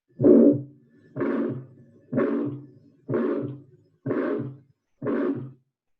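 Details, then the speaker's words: Systolic murmur: six evenly spaced heartbeats, each with a harsh whooshing murmur after the first sound; if heard over the pulmonary valve, this would suggest pulmonary stenosis. "sistólico. E vamos supor que eu escutei esse sopro aqui na válvula pulmonar. Esse mesmo sopro sistólico."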